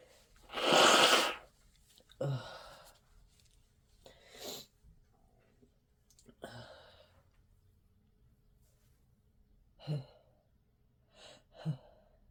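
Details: Person with a head cold and an itchy nose deliberately induces sneezing to relieve the tickle: one loud, explosive sneeze, then several quieter sniffs and snorts through a blocked nose.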